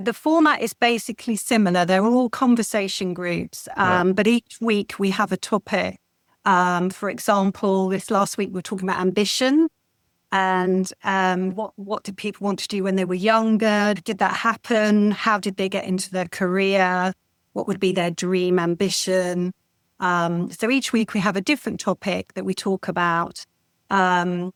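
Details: Adult woman speaking; no disorder.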